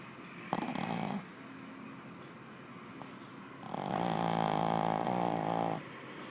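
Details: 4-month-old baby snoring like an old man: two loud, rattling, buzzy snores, the second longer, with quiet room noise between them; deep, coarse snoring.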